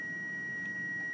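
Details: Steady high-pitched electronic tone as a manual monitor-defibrillator with pacing module is switched on.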